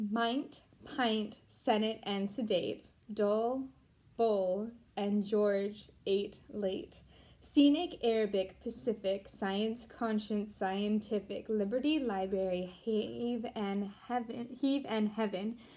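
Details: Deaf woman, once completely mute, who taught herself to talk again and cannot hear herself, reading an English poem aloud; deaf speech.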